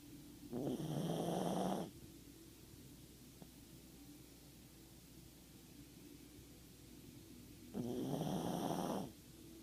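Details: Fast asleep and snoring: two long rattling snores on the in-breath about seven seconds apart, with quiet breathing between.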